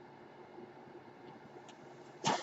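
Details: Podcaster's own ventilator heard during speech recording: low steady machine hum, then a brief rushing puff of air; mechanical ventilator noise.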